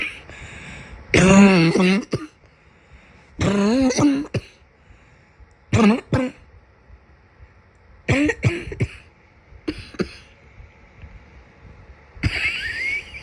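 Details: Summer cold cough: six bursts of harsh, throaty coughing with short pauses between them, each with a wet rattle.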